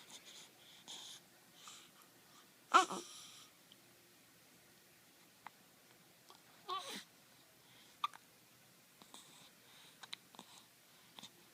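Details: Baby at one month of age with hiccups: short, abrupt hiccup sounds at irregular intervals.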